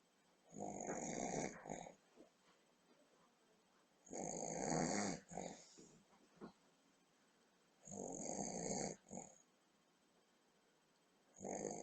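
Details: Grandmother asleep after Boxing Day dinner and a big bowl of very boozy trifle, filmed by computer webcam: loud, rasping snores in a steady pattern, about 17 a minute, each followed by a quieter breath out.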